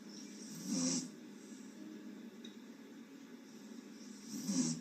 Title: Lady snoring on stream #shorts #sleeping #snoring #mouthopen